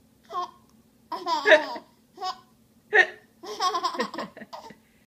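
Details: Hiccups with giggles.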